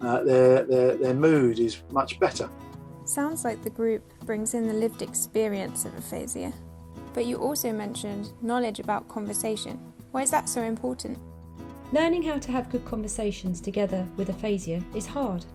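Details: Adult speakers, likely interviewer and guest; Normal speech.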